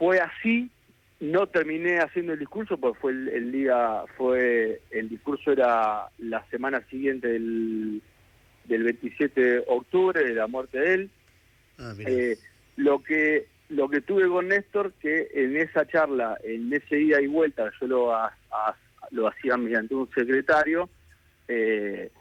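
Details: Adult man with stuttering since childhood, which he says has a genetic load and may have been triggered by trauma, still getting stuck at times, speaking in a live Spanish radio interview with word repetitions; stuttering.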